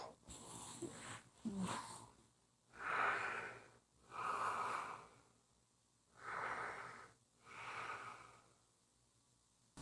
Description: Tuesdays are short Snoring days. Just a short snoring audio clip!